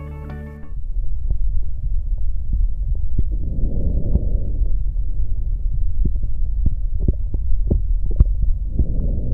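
Soft, low rustling swells with each breath over a steady low hum, with occasional clicks; normal vesicular breath sounds over the chest wall.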